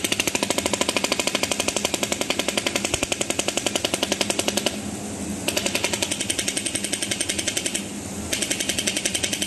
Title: ESWT Shockwave therapy machine SW500B